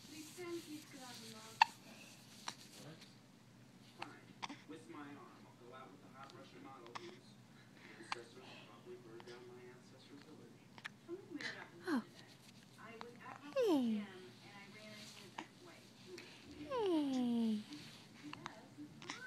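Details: Female with hiccups: sharp, brief hiccup sounds recurring among quiet background noise and faint voices, a few with a short squeaky vocal catch.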